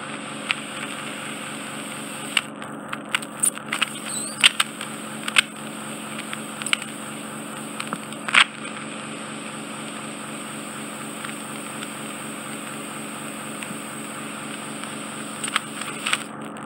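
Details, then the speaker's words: Endoscopic ear microsuction of matted, hairy wax fully occluding a man's right ear canal, coating the eardrum and causing severe hearing loss: steady suction hiss and hum with scattered clicks and crackles as wax enters the tip. "slightly more complex because the wax is matted with hair and your carbon suction hat yeah this is just coating your eardrum"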